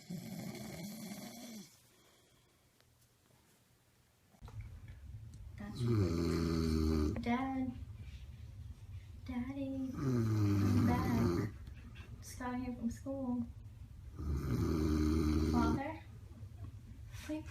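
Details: Tired adult father asleep and snoring, filmed by his daughter: loud, regular rattling snores roughly every four seconds, with a low hum in the room.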